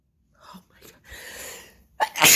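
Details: Massive forceful sneeze on day 2 of a bad cold that has gotten much worse: soft in-breath and hiss building to a loud explosive burst; sneezing.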